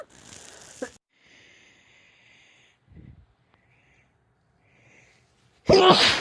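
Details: Adult female with a cold over the past few days: a hissing nasal burst, a pause, then one loud explosive sneeze; sneezing.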